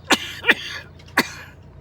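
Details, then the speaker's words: Three short, sharp coughs in quick succession from an adult after taking a hit from a vape; cough. "okay I want to show y'all what's causing me to cough it's"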